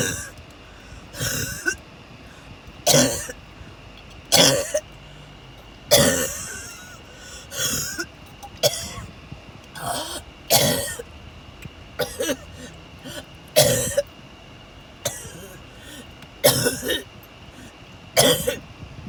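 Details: About a dozen harsh cough bursts, some in quick doublets, over twenty seconds with car noise, recorded on the way to the hospital/ER during a series of attacks; sustained coughing fit.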